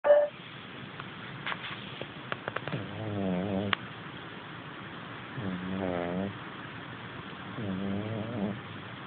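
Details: Cat snoring in sleep, a former street cat once run over, bloated and with many infections: three slow, rasping, fluttering breaths two to three seconds apart with faint room noise.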